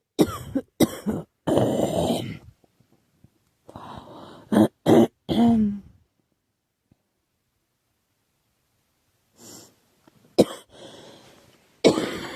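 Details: Girl who thinks she is getting a cold, with a scratchy, sore throat: bursts of dry coughing and throat clearing in two runs with a quiet gap between; cough with a common cold.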